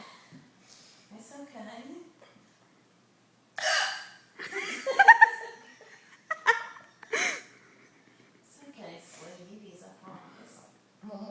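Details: Person with hiccups on Christmas, dog nearby: several sharp, abrupt voiced gulps break up soft vocal sounds and light laughter in a quiet room; hiccups.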